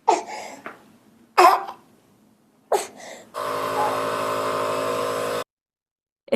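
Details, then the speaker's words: An infant with laryngeal croup, accompanied by the mother, gives three harsh, abrupt barking coughs, the seal-like "dog or seal" cough typical of croup, alongside a dysphonic cry. "Escucharon esa tos que está teniendo ese baby. Fíjense que es una tos que nos está generando eh como una sensación o uno lo podría asimilar. Esa es la famosa tos de perro o tos de foca."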